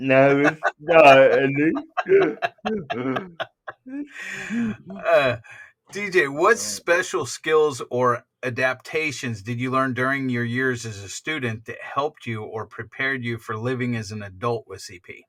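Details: Adult speaker; ordinary speech.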